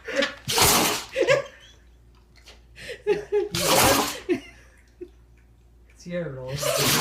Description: My dog went into a sneezing fit after getting water up her nose.